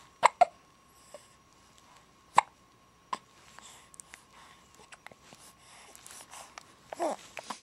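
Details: Person with hiccups on New Year's Day: several sharp, abrupt gulping clicks at irregular intervals against quiet room noise; hiccups.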